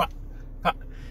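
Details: 27-year-old man with Tourette syndrome, mainly verbal tics, making a throat-clearing-like vocal tic.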